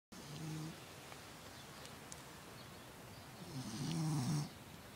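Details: Sleeping puppy snoring: two low rumbling breaths over steady room noise.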